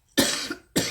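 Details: Two short, harsh cough bursts from an adult recovering from flu, heard during a spoken tarot reading; cough.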